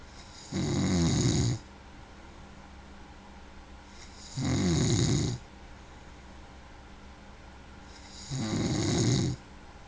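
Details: Snoring: three steady, rumbling snores about four seconds apart, roughly 15 breaths a minute, with quiet breathing between; regular snoring.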